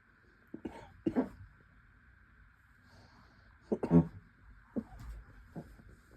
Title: Canyon scared of my coughing